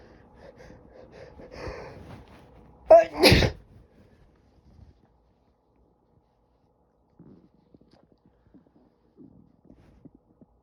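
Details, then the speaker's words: Man sneezing after taking chhikni nasal snuff: quiet breathing and a building inhale, then a loud two-part sneeze and faint sniffles; eyes watering. "I'm gonna sneeze. Oh, fuck. Oh, fuck. Oh, my eyes are watering."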